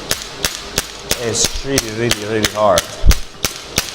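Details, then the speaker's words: Radial compressed-air shockwave therapy device firing while held against the operator's own leg at a low frequency setting that feels weak; sharp, regular clicking shots about three per second with brief tonal hums between shots. "I can't feel much it's not really strong but if I change the frequency are gonna go to do as much much stronger the bullet is really rich hominin is really really harmless if I go to three is even harder"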